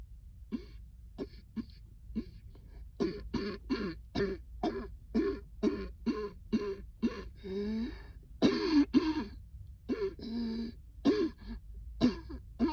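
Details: A coughing fit triggered by cold air: a rapid run of repeated dry coughs with throat clearing and a few strained breaths in between.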